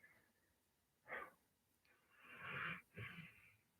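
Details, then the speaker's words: A deep-sleeping pet dog's noisy, rasping breaths, one short then a longer in-and-out pair, in a quiet room: ordinary snoring. "yeah you hear the dog breathing it's snoring a snoring sleepy dog right"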